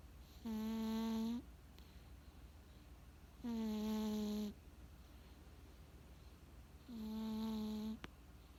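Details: Cat snoring while sleeping cozily: three long, even, humming snores about 3 seconds apart, with quiet gaps between, in a small quiet room.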